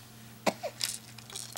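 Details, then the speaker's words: Baby boy sneezing repeatedly and seeming happy: a single sharp infant sneeze followed by soft baby vocal sounds, over a steady low room hum. "bless you oh God bless you you got something in your nose you keep sneezing"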